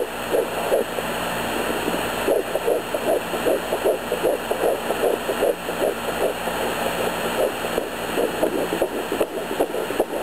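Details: Pregnant woman at 11 weeks, home fetal Doppler picking up two different-sounding heartbeats, one about 162 bpm and one about 150 bpm, one further back and one closer; she wonders about twins; fetal heartbeat.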